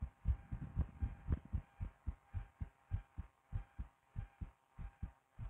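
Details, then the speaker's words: Soft, regular low thumps of an adult woman's own heartbeat through a stethoscope, with a faint background hum; normal heart sounds. "No, but anyway, let's listen to my cute little fluttering heart that you love so much."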